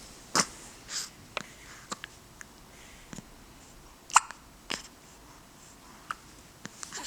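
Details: Infant in first month of life with hiccups.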